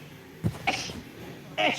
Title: girls sneezing reapidly #1.|| rapid sneeze